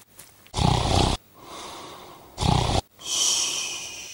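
Two loud, harsh, rattling snorts on inhalation, each followed by a softer breathy exhale; loud snoring.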